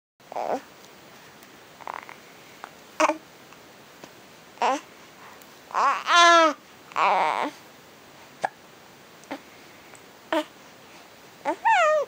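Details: Infant about 2 months old during tummy time: short, abrupt hiccup catches about every second or two, mixed with squeals and babbling; infant hiccups.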